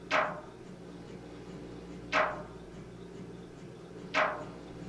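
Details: MRI scanner sample sound for patient preparation: loud knocking bursts evenly spaced about every two seconds over a steady hum; typical scanner pulsing.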